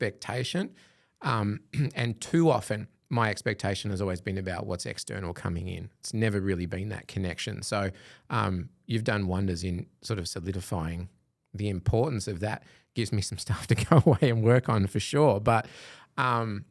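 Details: Adult man; plain speech.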